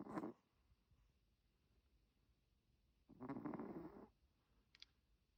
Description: Milton snoring 😴💤 #dog #doglover #pets #chihuahua #chihuahualove